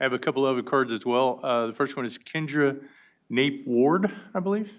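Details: Adult man speaking; ordinary speech.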